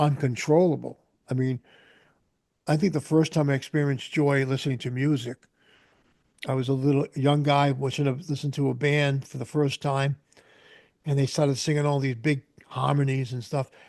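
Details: Adult man speaking; Typical speech.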